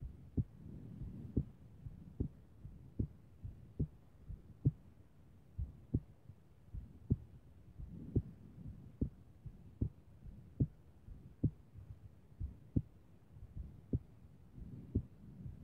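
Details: Strong, sharp heartbeats at about 75 a minute with uneven spacing, recorded in the morning; irregular heartbeat.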